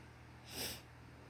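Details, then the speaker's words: A single short, airy, snort-like sneeze from Peanut over steady room hum; sneeze. "I'm trying to focus on her for her fucking sneezes."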